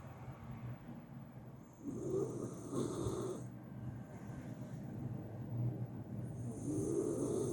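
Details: Sleeping miniature schnauzer snoring unusually loudly and persistently beside another dog, with soft, rough breathing noises rising and falling and faint hissing on the breaths.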